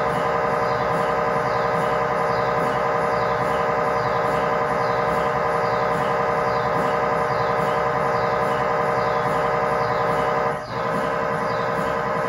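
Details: Loud, steady, ringing mechanical knocking and buzzing with a rhythmic pulse, recorded inside the scan room of a GE 1.5T or 3T MRI system; normal MRI scanner sequence noise.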